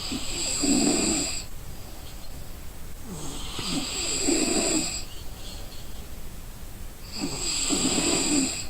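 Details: Exhausted person snoring in sleep: slow, rough snores on each in-breath, about 17 breaths a minute, with quieter out-breaths between.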